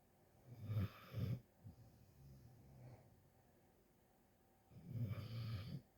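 Low rattling snores on breathing in, with a quieter snort between them and a long pause between breaths; ordinary snoring.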